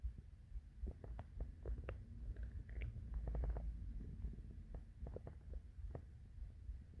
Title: The classic morning hungry stomach growls